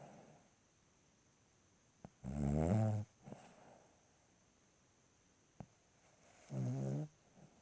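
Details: A 2-year-old female Cavalier King Charles Spaniel snores in the middle of the night, right by the owner's ear.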